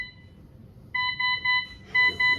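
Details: Löwenstein Elisa 600 ventilator demonstration: steady high-pitched electronic beeps in short repeating bursts; a ventilator alarm.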